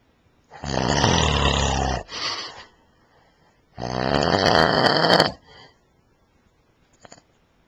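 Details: Adult man snoring while asleep, filmed by his wife with a Flip Video camcorder; two loud, harsh, rattling inspiratory snores, each followed by a short softer snort, in a quiet room.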